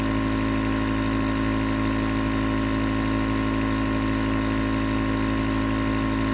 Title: Nebulizer Sound White Noise for Sleep